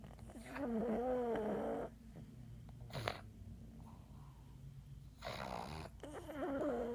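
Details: Three sleeping pugs: repeated snorting, rattling breaths, some with a whistling pitch; snoring.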